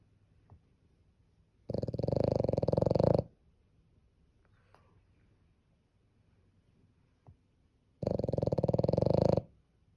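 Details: French bulldog asleep with her eyes open gives two loud, rattling, rumbling snores about six seconds apart, with faint breathing between.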